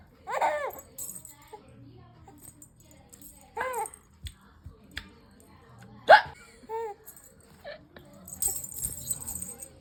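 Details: Several short, abrupt hiccups from a 6-month-old infant, some followed by brief laughs, over light rattling background: infant hiccups.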